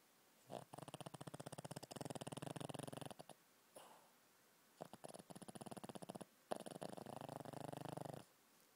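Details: Chubby Shih Tzu dog snoring oddly: long rattling snores on each breath with a quick fluttering buzz, three breaths over about eight seconds with quiet pauses between; snoring.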